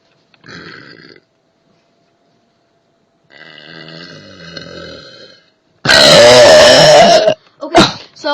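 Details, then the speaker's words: Girl deliberately burping without soda: two soft voiced sounds, then a long, loud, rumbling belch and a shorter second burp. "so I want to show you guys how I can burp yeah it's I'm not that good today just quite interesting but it's good I guess so I don't even need pop to do it"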